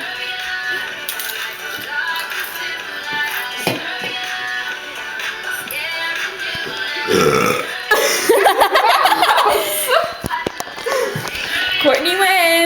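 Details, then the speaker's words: Two girls hold a voluntary burping contest: loud, deliberate belches with laughter over background music. "Okay, we're going to have a burping contest now. Me with you."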